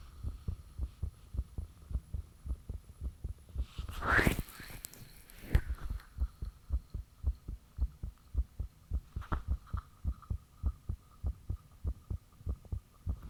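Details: Own heartbeat self-recorded with the fan off, shortly after the heart began feeling very thumpy; valve and blood-rushing sounds noted. Steady, strong low thumping at roughly 100 to 110 a minute with a brief rustle; fast-normal rate.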